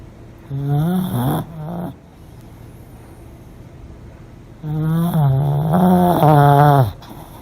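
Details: Pomeranian dog snoring so loudly it sometimes wakes itself: two long, loud, low rattling inspiratory snores separated by a quiet pause.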